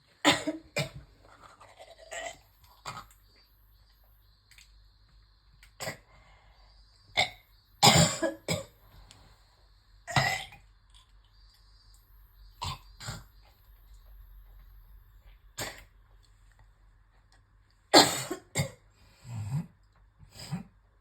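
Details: Repeated harsh, wet coughs in clusters with throat clearing and retching-like sounds; a coughing fit while brushing teeth, leading to nausea and bringing up a lot of phlegm.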